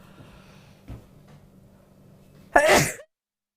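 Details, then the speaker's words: Presenter on a live TV shopping show announces "I'm going to sneeze" mid-sentence, then sneezes; a co-host says "bless you"; sneeze. "Oh, I'm going to sneeze."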